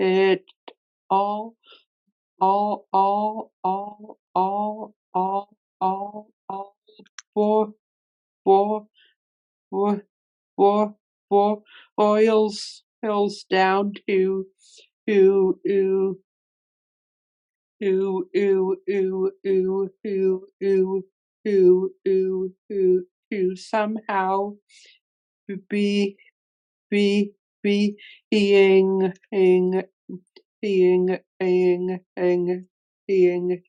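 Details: Adult man who stutters, with word and part-word repetitions; stuttering.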